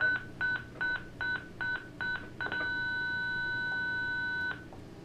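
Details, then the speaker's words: Zoll ProPaq MD defibrillator being tested for synchronized cardioversion: seven short beeps while charging, then a steady tone for about two seconds stopping abruptly as it detects the R wave and shocks at 16 milliseconds. "so it detected the r wave and it shocked at 16 milliseconds"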